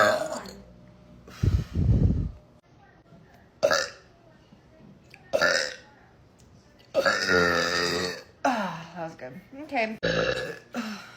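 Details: A run of loud, drawn-out voiced burps with short pauses between them, deliberate belching for comic effect; repeated burping.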